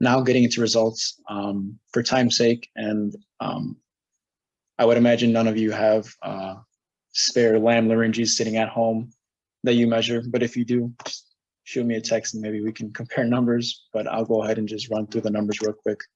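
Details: Adult male speaker; normal voice.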